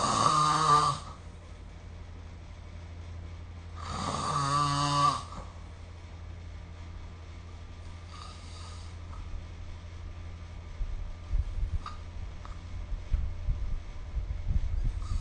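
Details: Snoring during sleep, recorded with the SnoreLab app: two loud buzzing snores a few seconds apart, then a fainter one, and quiet breathing with faint room noise.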